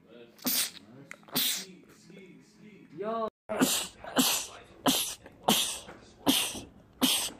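Forceful sneezes in rapid succession, about nine in seven seconds, with a brief voice partway through. This is a sneezing attack.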